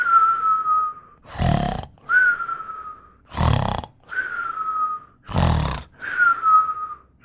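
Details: Snoring with rough, rattling snores on breathing in, each followed by a whistle on breathing out, about 30 cycles a minute.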